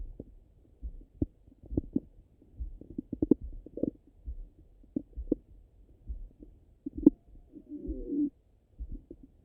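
Frequent low gurgles, pops and a brief squeaky rumble through a stethoscope: active, normal bowel sounds after eating.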